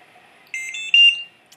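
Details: Trilogy BiPAP ventilator switched on during a set-up demonstration with no patient attached, with oxygen, heated circuit and filter connected: brief high-pitched electronic beeping tones from its normal start-up alarm check.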